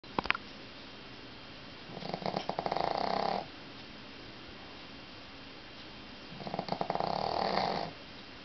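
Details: Two rattling snores on the in-breath separated by quiet pauses, about 13 breaths a minute; ordinary snoring.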